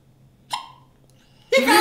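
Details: Young child at home after dinner of broccoli and pasta: a single short, sharp voiced hiccup in a quiet room, then start of a louder vocal sound; recorded November 2010 on a Flip Video camcorder.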